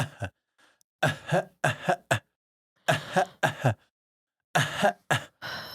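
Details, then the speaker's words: Imitated dry cough: repeated short, harsh, throaty bursts with no mucus rattle, mimicking a podcaster's all-night dry cough. "like that's exactly what it sounds like because it's a dry cough so it's it's like when I but it's so it's that's the most annoying kind of cough"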